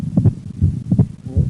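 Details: Split second heart sound in right bundle branch block, recorded while the patient breathes in and out.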